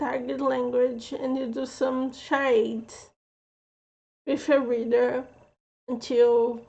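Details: Adult woman with a self-reported speech impediment who says she slurs a little; mild slurred speech (speech impediment).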